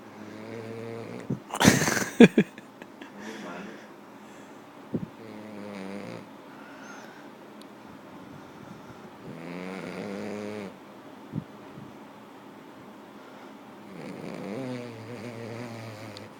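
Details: A French bulldog snoring, with loud, vibrating, buzzy breaths about every four seconds and a few snorts and rustles, typical of a flat-faced dog.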